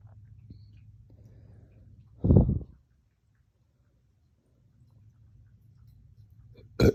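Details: Painful hiccup-burps that hurt the chest, onset after a dog walk and drinking water too fast, short-lived; a loud throaty hiccup-burp then a sharp short hiccup over quiet room hum; hiccups with belching.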